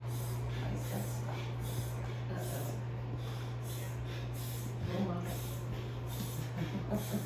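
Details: A dog makes rapid, repeated snorting inward breaths over a steady low hum, a typical reverse sneeze, ended by licking peanut butter.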